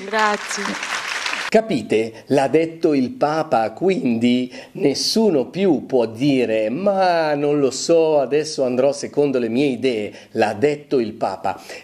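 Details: Adult male speaker; normal speech.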